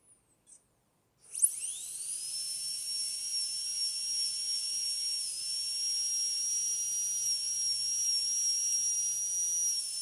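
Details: High-speed dental drill in a metal-ceramic crown preparation demonstration on tooth 46: a steady high-pitched whine with a faint water-spray hiss while removing the enamel islands left between the depth cuts.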